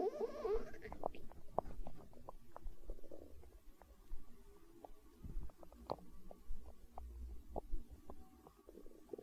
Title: Stomach growl